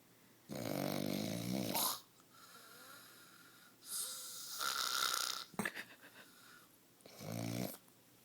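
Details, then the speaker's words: Sleeping husband's loud, rattling, buzzing breaths with uneven gaps and sputtering, after his wife remarks he is not breathing; heavy snoring. "How the fuck am I supposed to sleep with this shit going on?"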